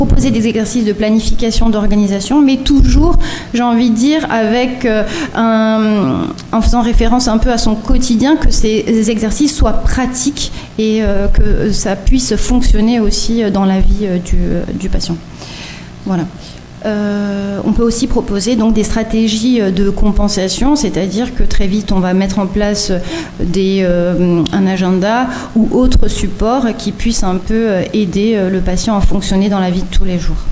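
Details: Adult woman speaking French; normal speech.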